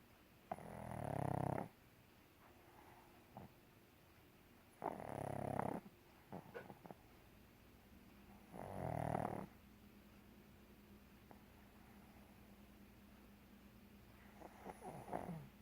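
Loud rattling snores on the in-breath, three or four over fifteen seconds, with quiet snuffling between them: snoring in a flat-faced dog.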